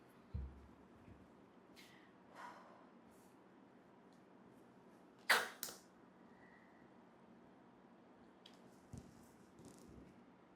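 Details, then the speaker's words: Quiet room; soft airflow, then a sharp hiss of one metered dose inhaler puff, demonstrated by a clinical pharmacist: shake, breathe out, seal lips, press while inhaling about 3 seconds, then hold breath 10 seconds. "Seal ചെയ്തതിനുശേഷം ഒരു puff എടുത്ത് ഒരു മൂന്ന് സെക്കൻഡോളം നമ്മളഒന്ന് വലിച്ചെടുക്കുക അതിനെ inhale ചെയ്തിട്ട് ഒരു 10 second ശ്വാസം hold ചെയ്യണം"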